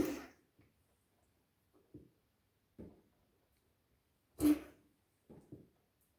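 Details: A dog gives a series of short, harsh coughs in a quiet room, with two louder bursts, recorded shortly after midnight.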